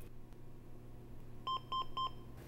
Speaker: that slight delay before the shock was delivered was because the defibrillator discharged on the next sensed QRS